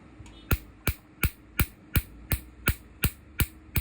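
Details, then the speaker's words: Second tattoo-removal laser session, first laser pass on previously treated skin: sharp, regular snapping pops about 170 a minute from Q-switched laser pulses firing. "So guys, let's see. So guys आप देख सकते हैं कि मैं first laser चलाने जा रहा हूँ."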